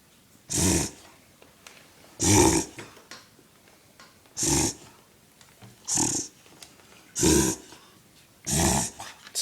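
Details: Dog's reverse sneeze: six loud, harsh snorting inhalations, each about half a second, in a run, sounding like a rhino.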